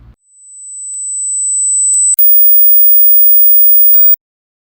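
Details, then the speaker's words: Hearing screening test playing three pure tones at three different frequencies in turn, high then very high pitched; the second and third tones are often missed. "we're going to play three sounds at three different frequencies ready three two one"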